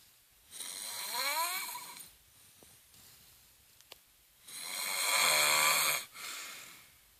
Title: Couldn't Sleep/Mom snoring